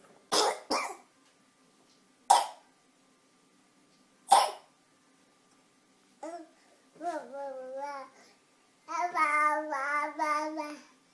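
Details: 6-month-old infant gives four short, dry deliberate coughs, then babbles and coos; a harmless voluntary, attention-seeking cough.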